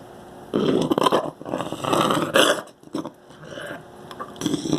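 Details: A dog coughing in a small room: a run of harsh, raspy hacking bursts with brief pauses between them.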